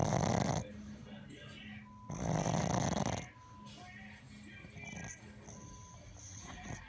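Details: Sleeping, dreaming Boston Terrier: loud rattling snores with quieter breaths between and faint background music; snoring.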